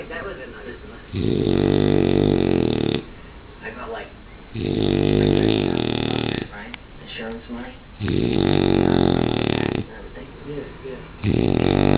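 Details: Snoring shown off as a party trick: loud, rough, buzzing snores every three to four seconds with softer snuffling breaths between, about 17 breaths a minute.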